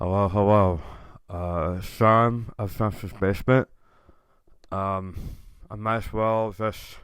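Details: Adult male tongue cancer survivor, diagnosed October 2021, over 1.5 years in remission; about 80% of tongue removed and reconstructed with left-leg muscle, about 20% of frontal tongue remaining; proton therapy and chemotherapy; reduced tongue and jaw movement; articulation impairment after partial glossectomy.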